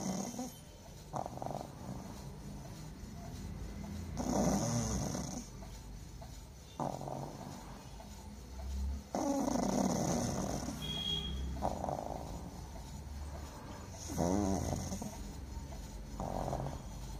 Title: POGO IN A DEEP SLEEP 💤💤 SNORING HARD #pug #doglover #dogs #snoring #puglovers #deepsleep